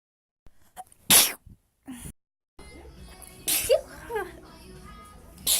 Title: Me sneezing 35 seconds straight